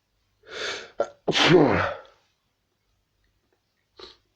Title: lots of sneezes and sniffs